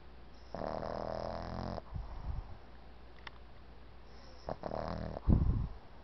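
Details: Boston Terrier puppy sleeping and snoring, surprisingly loud for his size.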